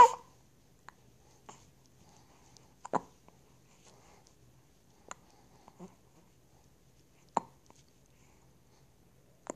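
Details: Brief sharp hiccups repeat irregularly, roughly every one to two seconds, in a quiet room, with loud breathing because the phone was held in the lips right at the microphone; ordinary hiccups.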